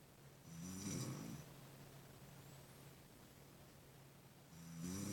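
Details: Snoring during sleep: rough, rattling snores on breathing in, with quiet pauses between them over faint room noise.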